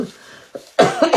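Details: Adult woman still coughing while recovering from illness: a brief throaty clearing followed by a loud, harsh cough burst; a lingering cough.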